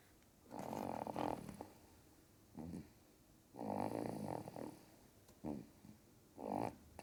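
Repeated rough, rattling snores alternating with softer breaths, roughly twenty a minute, from a sleeping dog; ordinary snoring.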